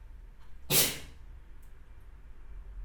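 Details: A single sharp, explosive sneeze from a pet against a quiet room.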